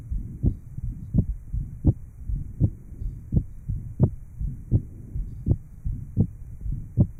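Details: 1955 Johns Hopkins heart sound laboratory recording: regular heartbeat near 83 a minute with low background hiss after surgical repair of an atrial septal defect.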